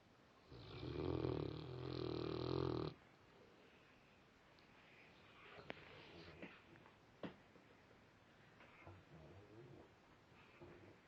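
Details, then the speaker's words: Sleeping dog (Frank) snoring very oddly: one loud, harsh, growling snore lasting over two seconds, then quiet breathing and faint room sounds; snoring. "he's still snoring his eyes are open he's watching me stop doing that scary"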